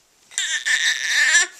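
A single short, rising-and-falling wail from an infant, heard as a brief cry in a quiet room.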